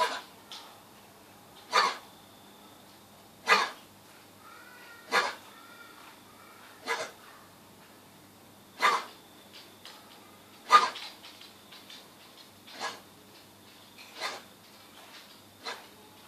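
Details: Dog gives short, sharp, irregular coughing bursts every one to two seconds in a quiet room; kennel cough was raised but thought unlikely as the cough is not consistent enough.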